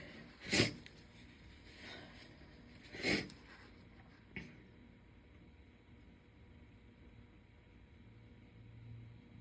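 Two strong, explosive sneezes and a smaller third burst with a sharp intake between, in a quiet room; ordinary sneezing.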